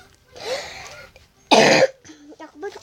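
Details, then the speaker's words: Young girl coughing repeatedly while unboxing a squishy: a single loud, harsh cough burst preceded by a softer throat sound and followed by quiet voice sounds; cough. "batuk banget, maafin banget ya."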